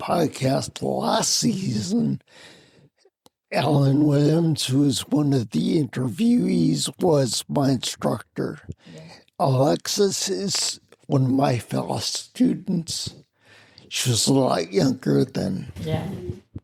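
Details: Adult man, military retiree, with spinocerebellar ataxia of unknown type; slurred speech and balance loss began around 1999, making phone conversations difficult; ataxic dysarthria.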